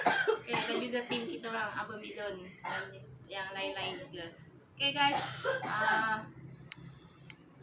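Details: Several short cough bursts and throat clearing mixed with laughter and voice after eating very spicy catfish in chilli sambal, with light background music; cough from spicy food.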